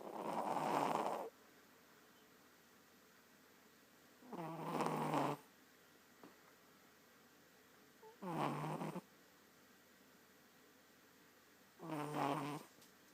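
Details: Four rough, rattling snores on the in-breath, about 18 breaths a minute, with quiet pauses between; ordinary snoring.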